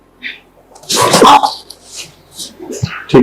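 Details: Single loud, abrupt, explosive sneeze in a quiet room with a few soft sounds around it, heard during a chiropractic neck adjustment session for a woman with persistent neck pain.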